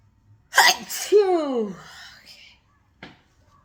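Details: Sneezing fit blamed on the weather: a loud, forceful sneeze with a sharp burst and trailing voiced sound, then a faint second sound, among many repeated sneezes.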